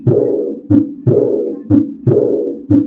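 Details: Aortic regurgitation early diastolic murmur.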